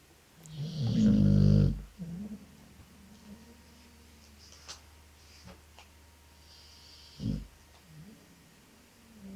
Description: my snoring dog ☺